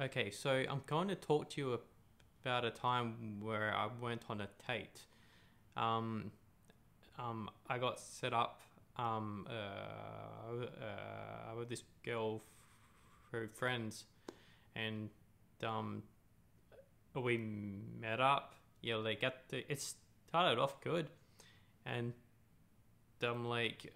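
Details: Adult man who stutters; real speech; stuttering.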